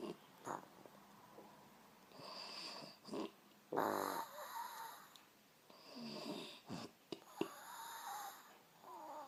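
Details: Woman snoring: rattling snores with each breath in, separated by quieter breaths out, in a quiet room.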